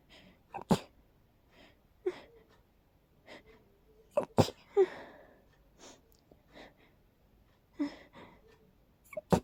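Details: Person extremely allergic to daisies sneezing after deliberately smelling them: a series of short, sharp bursts with quiet breaths between; rapid repeated sneezes.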